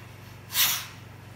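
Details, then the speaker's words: Whippet under light general anaesthetic for dental cleaning: single short, forceful, breathy snort-like burst as the endotracheal tube passes the larynx during intubation; a reflex gag/cough, normal body reaction. "we tied it okay so this is just a reaction of their body from hanging something very good exhale"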